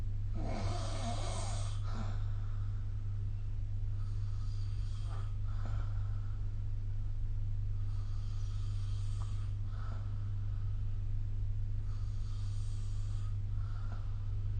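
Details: Snoring recorded with the SnoreLab phone app: slow, rhythmic, rough breaths during sleep, about four cycles, over a steady low hum.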